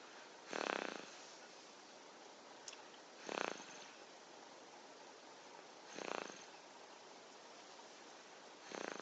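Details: Soft, regular snores about every 2.7 seconds (roughly 22 breaths a minute) from a sleeping 6-month-old baby boy, with quiet room hiss between breaths: infant snoring.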